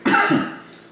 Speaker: Yeah, normally I don't cough this much with a joint. But again, it's not overpowering harsh like most OGs are for me.